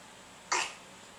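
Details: A young girl's single short, breathy voluntary cough made on request when asked if she is okay.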